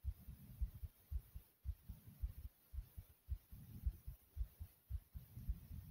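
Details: Adult's own heartbeat recorded through the chest: regular low paired thumps at about 110 a minute; thumping heartbeat.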